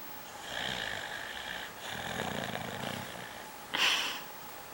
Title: My Dog Snoring away the whole night -Liu